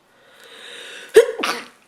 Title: Woman sneezes a lot and blowing her nose in handkerchief